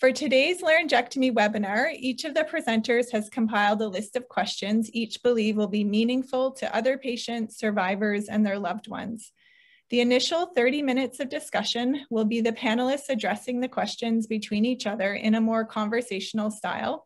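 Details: Adult woman speaking; Normal speech.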